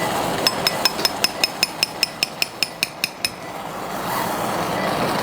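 About fifteen sharp, evenly spaced metallic taps, roughly 150 a minute, over steady operating-room noise: a mallet driving a chisel during spine surgery.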